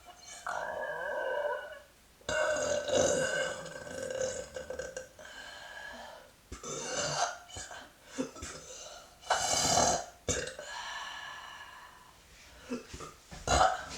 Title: Burps in Motion